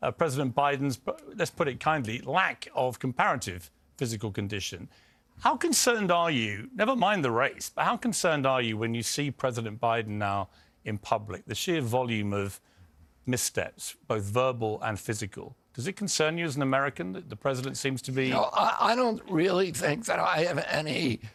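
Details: Adult man; onset at age 42 after a 1996 injury; nerve signals make his vocal cords tighten constantly; surgery in Kyoto about eight months earlier made his voice more reliable, now alternative therapies; spasmodic dysphonia (laryngeal dystonia).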